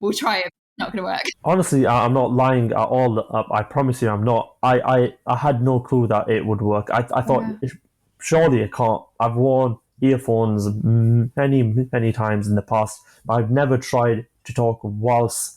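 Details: 25-year-old man with stammering (stuttering) since early childhood, which he says began after an asthma attack; he experiences blocks and manages them with breathing methods and pauses; stammering (stuttering).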